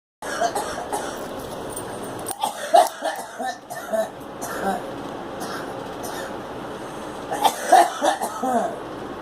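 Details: Girl (child) gives short coughs in two brief clusters over a steady background hiss. The stomach is also mentioned. Cough.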